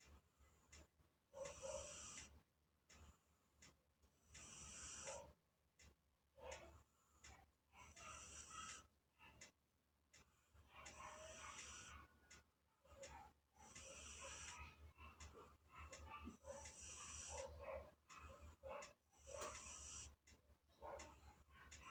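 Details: Loud snoring from a sleeping British Shorthair cat: rhythmic, noisy breaths at roughly 19 per minute, sounding much like a human snoring.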